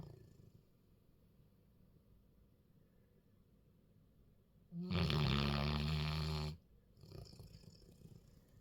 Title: Sir snore a lot Mr Gorgeous Golden whilst Mrs Gorgeous Goldeness sleeps quietly 🤫.